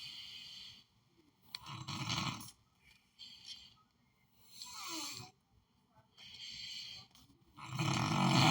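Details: Sleeping person snoring while a cartoon plays on television: rough snores recurring every few seconds; ordinary snoring.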